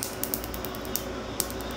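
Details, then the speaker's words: Sharp, regularly spaced snapping clicks over a steady mechanical hum as a tattoo removal laser fires its pulses during a treatment session, with countdowns before each pop. "all right one little pop 3 two one one more little pop 3 two one one more little pop"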